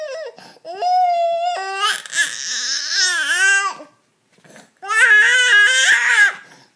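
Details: A baby cries in two long, high-pitched wailing bursts with a brief pause for breath and a slightly strained, rising and falling pitch; infant cry.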